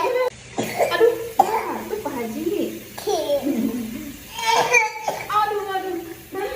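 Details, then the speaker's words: Young child's productive cough: several voiced, throaty coughs bringing up mucus. "ini baru pintar tuh lendirnya keluar itu namanya kotoran"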